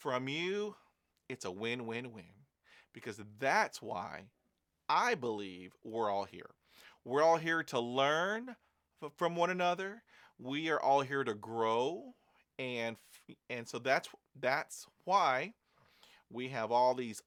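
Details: Adult male who stutters, with fluency phases of varying speech, using breathing techniques and learned tools to manage blocks; word repetitions heard: stuttering (word repetitions).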